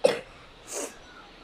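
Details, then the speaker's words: Child with a cold and cough: a single short, sharp cough followed by an audible breath in. "i'm just having a cold and a cough and i can't really take it"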